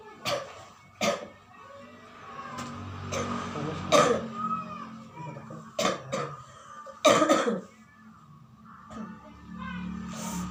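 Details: Person with cough and shortness of breath during a totok saraf (nerve acupressure) treatment session: several short, harsh cough bursts at irregular intervals with throat clearing and faint talk in a small room.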